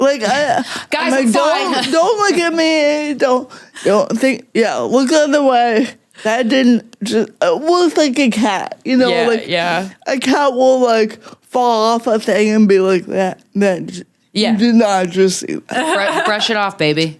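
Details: Adult woman with cerebral palsy, which she says mostly affects her speech and makes talking harder, and also affects fine motor skills and her walking a little; she uses no mobility aid. Finding: dysarthria due to cerebral palsy.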